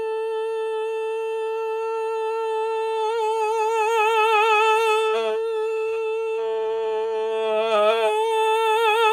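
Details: Male singer with swollen vocal folds while recovering from laryngitis; dysphonia at the register transition when bridging from mode 2 into mode 1, partly masked by tongue and vocal tract shaping but still audible.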